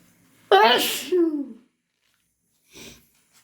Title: Wet induced/hayfever sneezes and blows